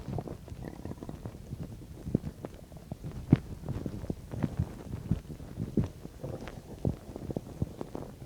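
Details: Irregular low gurgles and soft pops from the abdomen: bowel sounds while digesting a bean and cheese burrito, about 10–15 minutes after eating.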